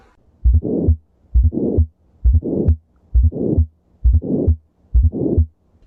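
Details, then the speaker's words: Teaching recording of an S4 gallop, an extra heart sound linked to decreased ventricular compliance from myocardial ischaemia or ventricular hypertrophy. "gallop is usually associated with decreased ventricular compliance that occurs with myocardial ischemia or ventricular hypertrophy"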